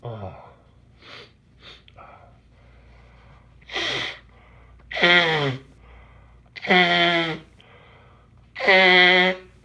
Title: My morning allergies. Sneezing and blowing. M